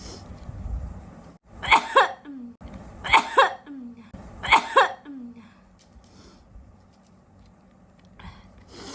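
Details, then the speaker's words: Adult woman in a sneezing challenge sniffing spice powders (garam masala, then cumin powder): three quick sharp sneezes, each with a drawn-in breath, then quiet; eyes watering, sneezes coming intermittently. "तो guys बहुत ज्यादा ही हो गया है sneezing पता नहीं थोड़ा रुक रुक के आ रहा है बट मेरा आंसू भी आ गया है"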